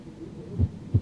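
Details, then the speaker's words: Slow heart tones heard by stethoscope on a simulated virtual-reality patient with shortness of breath; speaker suggests a possible third-degree block: bradycardia. "the first thing you notice about listening to this heart tone that is slow af my friend we need to get you treated"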